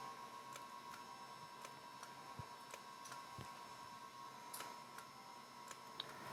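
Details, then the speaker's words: Potenza RF microneedling, second pass on upper lip at reduced wattage and needle depth (previously 1.5 mm); faint regular device clicks about every half second over quiet room hum: radiofrequency microneedling pulses. "And now we'll be performing the second pass on the upper lip. We've reduced the wattage and the needle depth."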